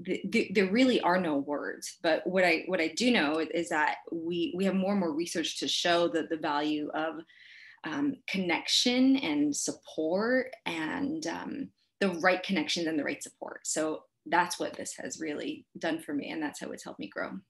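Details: Panelist from a conference team run by and for people who stutter; word and part-word repetitions audible; stuttering.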